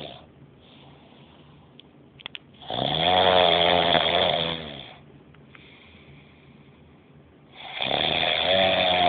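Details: Two long, loud, rattling snores on the in-breath, separated by quiet breathing; ordinary snoring.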